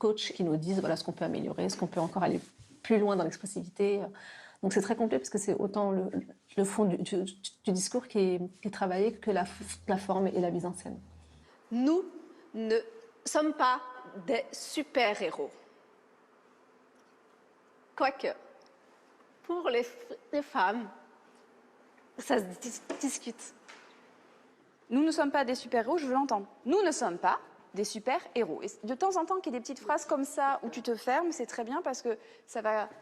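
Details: Stuttering in a woman, a triathlete, who has stuttered since early childhood, especially on the letter R, certain numbers, syllables and consonants.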